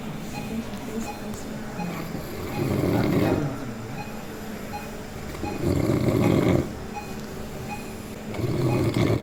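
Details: Snoring recorded during drug-induced sleep endoscopy (DISE) for ENT surgery, with multilevel airway obstruction and epiglottic collapse: three loud, rough, low inspiratory snoring bursts at about 21 a minute over steady equipment hum.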